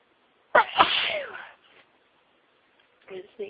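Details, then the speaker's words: One loud explosive sneeze with a sharp in-breath before it, then quiet breathing, during a sneezing fit at home after suppressing sneezes at work all day; sneezing. "I've been working, so trying to stop them. And now they just don't want to be stopped. I've been sneezing ever since I came home from work."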